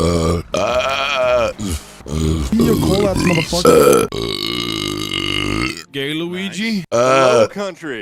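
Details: Burping compilation after eating soup: long, loud, voiced belches run together, with some voice and grunting mixed in.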